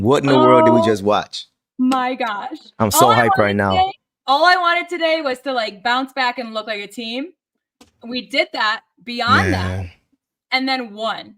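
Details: Adult woman speaking; normal voice.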